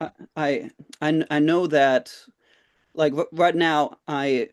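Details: Participant in a stuttering support group, speaking with word repetitions; stuttering.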